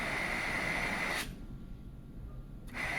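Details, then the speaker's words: GE ventilator starting ventilation after setup: steady airflow hiss with a tone that stops, quiet about 1.5 seconds, then resumes as breaths are delivered. "Confirm these settings. To start ventilation, here we go."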